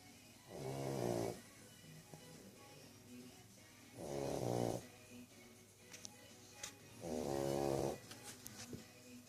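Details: English bulldog snoring loudly: three loud, fluttering snores at regular breaths, with quiet gaps and small clicks between.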